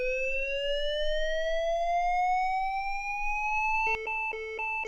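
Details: LIFEPAK 15 monitor defibrillator after analysis advises a shock: a steadily rising electronic whine as it charges, then a repeating ready tone signalling the shock can be delivered.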